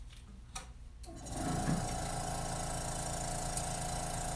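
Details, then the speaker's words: Clicks, then a steady mechanical hum and whir as a suction machine is turned on before tracheostomy suctioning, set to about 5–10. "suction catheter out gonna call this around my hand and come over here and turn on my suction"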